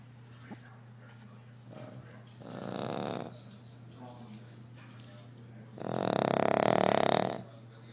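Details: Overweight sleeping dog snoring very loudly: two loud, drawn-out rattling breaths about three seconds apart over a steady low hum.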